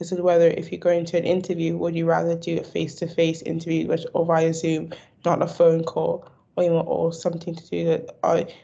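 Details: Stammering in an adult student.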